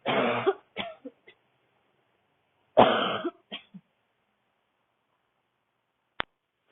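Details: Adult woman with a tight throat on a cold-air street walk: two harsh, dry barking coughs, each a loud burst with short trailing bits, during a public coughing fit.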